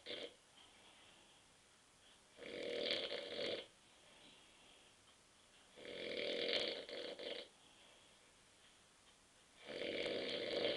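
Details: Rough, rattling snores on each in-breath, about 17 a minute, with quiet out-breaths between them, from an adult husband asleep on a sofa at 9:30 pm after drinking too many beers.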